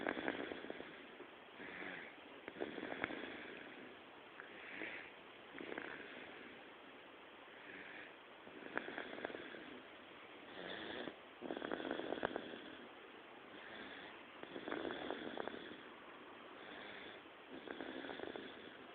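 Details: Baby daughter snoring in sleep: soft, rhythmic snuffly breathing at about 20 breaths a minute with a light snore.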